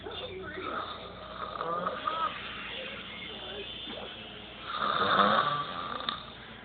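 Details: Loud, high-pitched, rattling snores on each breath from a sleeping daughter, with one especially loud, shrill snore near the end; snoring.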